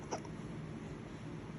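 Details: Hiccups: one brief, sharp hiccup-like catch over steady room noise; a single hiccup.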